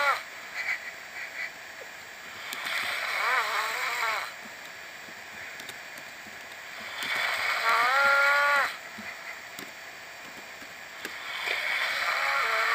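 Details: Snoring during sleep: slow, regular noisy breathing, about 14 breaths a minute, with a faint whistling edge on some breaths.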